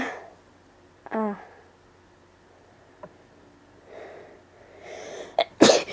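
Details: Unrestrained sneeze in a person who dislikes dust: quiet room, then a brief catching breath and a sharp explosive sneeze near the end.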